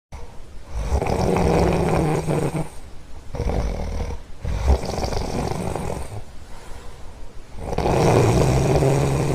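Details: A sleeping dog snoring loudly: continuous harsh, rumbling snoring with rough, fluttering breath sounds in long swells and brief pauses.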